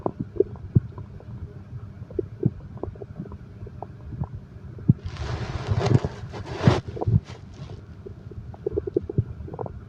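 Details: Bowel sounds (stomach growling) from a relaxation recording that combines heartbeat and stomach growl sounds.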